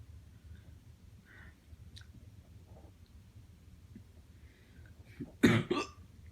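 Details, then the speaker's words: Quiet room, then one sudden sharp hiccup with a brief catch of breath, from a person in pain with persistent repeated hiccups; hiccup. "I'm hiccuping so much. Why? Please. Uh, uh, please be over. Is it over?"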